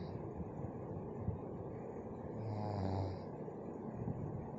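A single low, rumbling snore rises out of steady background noise. Snoring.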